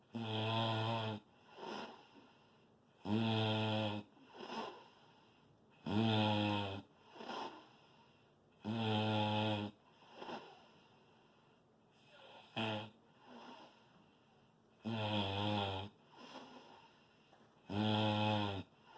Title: snore loud